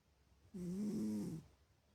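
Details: Sleeping cat, not yet awake in the morning, snoring: a single soft, slightly whistling snore under a second long in a quiet room.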